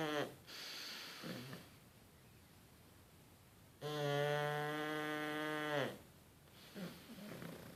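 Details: Synchronized snoring from sleeping pugs: a loud, strongly tonal snore on each breath with quieter snuffling between, typical of a flat-faced dog's noisy airway.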